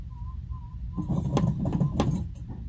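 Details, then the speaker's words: Sound-field hearing test at an ENT clinic for a 1-year-old with chronic ear infections lasting about half his life, found to hear at 35 decibels. Soft repeating warble tones, then louder chirping bird-like test sounds. "yeah you get an awfully serious look on your face when you hear my sounds"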